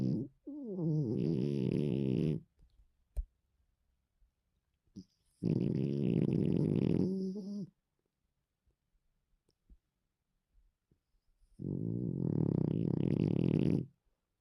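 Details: Female dog snoring deeply in a quiet room: three long, loud, rattling snores of about two seconds each, with quiet pauses between.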